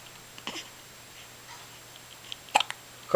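Quiet room with several brief, sharp, irregular click-like hiccup sounds, mostly in a cluster toward the end.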